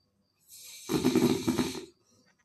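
A single loud, rattling, vibrating breath lasting about a second; a snore.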